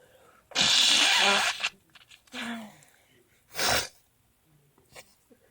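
Three sneezes: one long, loud, hissing burst, then two shorter ones, in a quiet room.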